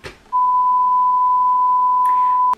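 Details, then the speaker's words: Simulation of a young hearing-impaired adult's own tinnitus, described as constant, very high-pitched and painful to the ears: a steady, unwavering pure tone lasting about two seconds. "s'est imbriqué vraiment très très aigu je vous préviens ça fait mal aux oreilles attention c'est celui là"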